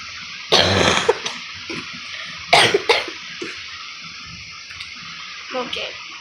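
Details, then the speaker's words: Person with a self-described very bad cough having a coughing attack: two strong, harsh coughing bouts with smaller throat sounds between, over steady room or running-water noise. "Sorry there, I had a cough attack."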